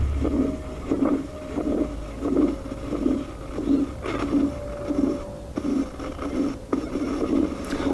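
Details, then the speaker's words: Systolic murmur of aortic stenosis, from narrowed aortic valve area, in a veterinary cardiology context: regular rasping whooshes with each beat, about 90 a minute. "e o soro por estenose aórtica é outra disfunção né do coração é o outro sopro da estenose aórtica é uma condição em que a uma redução da área valvar aórtica"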